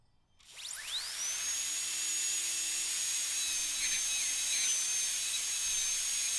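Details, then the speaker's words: High-pitched dental drill whine spinning up and running steadily as a round bur (switched from straight cutting bur) removes bone to about a third of tooth root height during surgical extraction practice on a dental simulator model. "So, I'm going to switch burs from a straight cutting to a round bur, and then I can remove bone. Probably aiming to remove bone over around about a third of the height of the tooth root to begin with."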